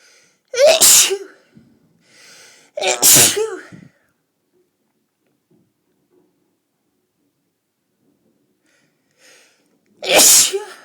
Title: A sneeze attacked